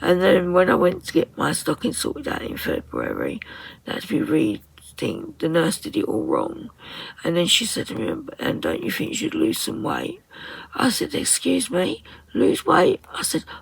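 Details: Woman with voice dysphonia, very tight, stressed muscles around the vocal cords, also affecting swallowing, attending speech therapy; voice at times distorted or lost; muscle tension dysphonia.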